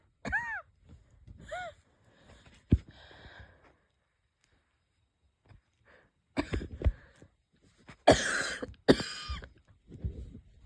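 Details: Light wheezy coughs with a whistling, squeaky edge and throat-clearing, then a couple of stifled sneezes; the person is unsure whether it is a cold or an asthma flare-up.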